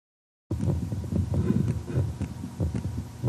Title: Heart Sounds Bench